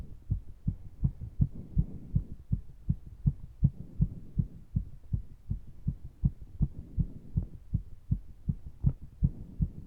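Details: Heartbeat recorded during exercise with breathing sounds deliberately left in: strong, regular, thudding beats at about 160 per minute with breath sounds behind; fast heart rate during exercise.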